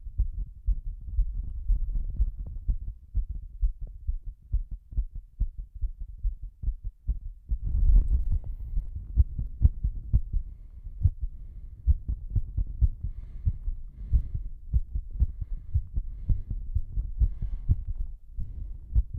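Deep, forceful heart thumps, fast and regular, with muffled body noise mixed in; a pounding heartbeat during a breath-hold.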